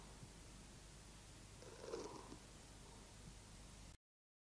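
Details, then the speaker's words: Crepitation in a 1979 lung auscultation teaching film: a brief burst of fine crackling at the height of inspiration over steady hiss, caused by a small amount of fluid secretion in the alveoli as the alveolar walls unstick. "если небольшое количество жидкого секрета появляется в альвеолах выслушивается крепитация она образуется при разливании стенок альвеол на высоте вдоха"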